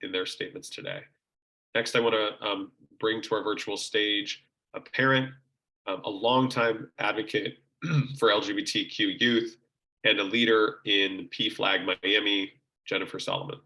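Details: Adult man speaking; Normal voice.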